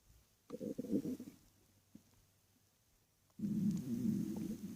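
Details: Two bursts of low, gurgling, rumbling stomach growling at night while lying in bed, the second longer and steadier: borborygmi.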